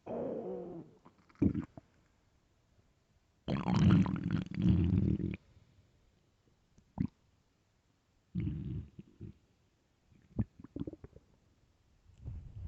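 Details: Loud hunger stomach growling (borborygmi): low gurgling and rumbling bursts with pops and quiet gaps.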